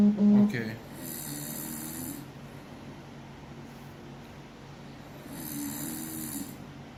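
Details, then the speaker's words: A person deliberately snoring for a home test of a snoring-detection prototype: two long, rough, low snoring breaths over a steady air-conditioner hum. "Okay, and now I'm start snoring. Okay. Now we can see that the algorithm can clean the air conditioner sound and detect snoring"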